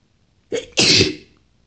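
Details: A single very relieving sneeze after sniffling, false starts and nose-blowing: a short intake followed by a sharp, forceful airy burst.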